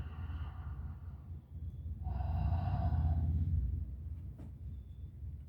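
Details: Stethoscope auscultation of the posterior chest in the scapular region of a female patient breathing through her mouth: soft, even normal vesicular breath sounds, clear in and out, no added noises.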